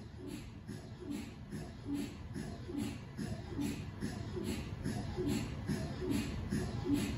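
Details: MRI scanner noise recorded inside the scan room of a GE 1.5T or 3T MRI system running a sequence: steady rhythmic knocking and buzzing, about 72 pulses per minute.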